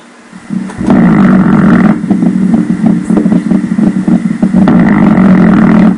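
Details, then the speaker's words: Needle EMG spontaneous activity shown on a long time base: loud, rough, grouped bursting rumble rising and falling in repeated volleys; prolonged rhythmic, grouped myokymic discharge, as in clinical myokymia. "Two overlapping discharges They are very close to each other, when the time base is changed. A myokymic discharges with a long time"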